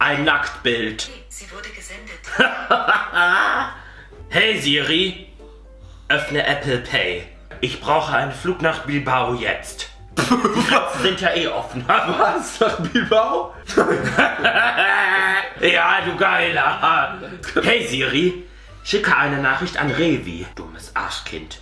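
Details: Male with Tourette syndrome producing vocal tics, including sudden exclamations and insults; vocal tics (Tourette syndrome).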